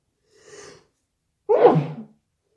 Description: I was so sneezy and stuffy last night